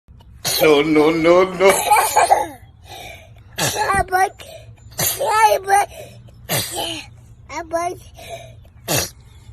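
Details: Young boy sneezing several times: short, sharp bursts with quiet gaps between, preceded by voiced sounds; sneezes.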